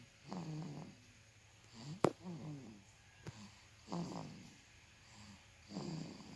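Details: Infant snoring: repeated rough, fluttering breathing noises about every two seconds, with a sharp click in between.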